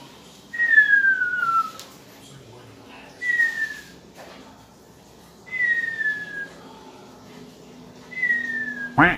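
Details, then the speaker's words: Imitated whistling snore in a comedy skit: four falling whistles, one with each breath, over a faint background hum, a medium-level snore heard as whistles: whistling snore. "número 2 la persona que hace ruido nivel medio y es la persona que se ronquido se escucha en forma de chiflidos"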